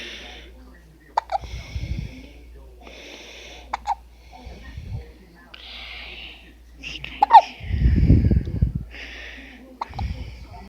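Sharp, brief gulping clicks recur every few seconds between breaths and background voices, fitting hiccups.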